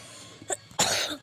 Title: I have a cough today :(